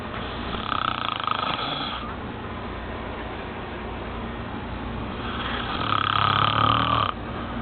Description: hey guys this is my uncle snoring an my brother captured it hope u guys enjoy and plzzzzzz subscribe thnx alot :D